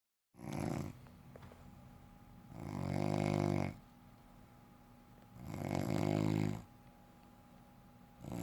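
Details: Adult woman (wife) snoring in sleep: loud, rhythmic, rumbling snores with each breath, about three in eight seconds, with a steady room hum; ordinary snoring.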